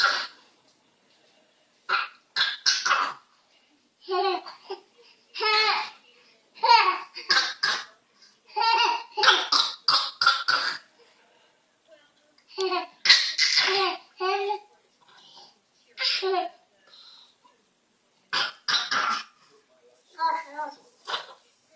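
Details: A young twin gives short, light coughs while the other twin bursts into giggling laughter, as they entertain each other after a long day at child care.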